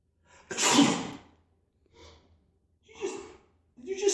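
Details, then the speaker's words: Acted sneeze in a sketch on sneezing hygiene, sneezing into the hand rather than the elbow: a short breath in, one loud explosive sneeze, then softer breaths and a gasp. "you just sneeze in your hand? What else was I supposed to do? Sneeze in your antecubital fossa."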